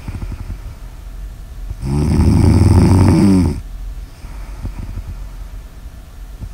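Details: Snoring ASMR audio recording: one loud, rattling snore lasting under two seconds, rising out of quieter breathing noise; snoring.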